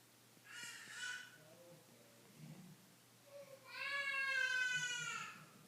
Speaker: can hear my baby crying oh boy